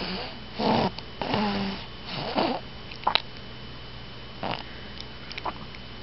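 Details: Snoring from a sleeping pet: irregular, rough, low snoring breaths with soft nasal whistles between them.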